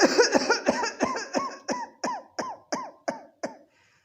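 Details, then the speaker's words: Imitated paroxysmal cough, said to worsen on lying down and ease on sitting up: about eleven short, rapid coughs in a single breath, fading toward the end. "तो इस प्रकार की खांसी में जिसमें एक ही सांस में कई तरह की खांसी आ जाए, कई बार खांसी आ जाए, तो इस तरह की खांसी के लिए हम देंगे कोरेलियम रुब्रम एक मेडिसिन और दूसरी मेडिसिन ड्रोसेरा।"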